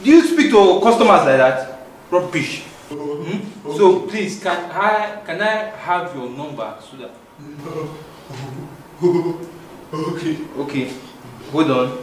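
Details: Adult man, acted comedy scene; typical speech.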